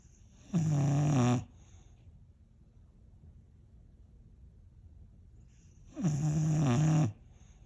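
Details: Boxer dog snoring loudly in deep sleep: two loud, low, buzzing snores about five seconds apart, with quiet breathing between them.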